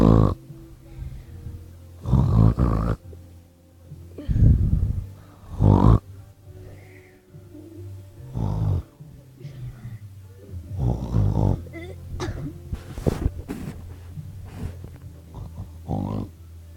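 Loud, low, rattling snores recur every few seconds over a steady low hum, the sound of snoring during sleep.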